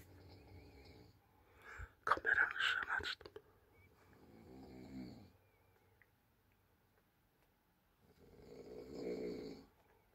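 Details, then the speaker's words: A woman who has been snoring for two days after New Year, heard from a nearby room and keeping the household awake: loud, rattling snores spaced several seconds apart, with some room noise between them. "H ay horlaması buraya geliyor da yemin ederim kuran çarsın bak"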